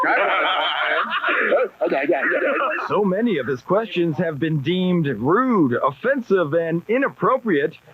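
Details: Adult narrator; no disorder.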